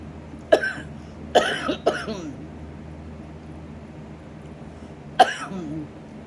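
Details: Four abrupt, harsh coughs in two close groups, then a lone cough after a pause, over faint room hum. A coughing spell in an adult with a bad lung infection who uses nebulizer treatments and an inhaler.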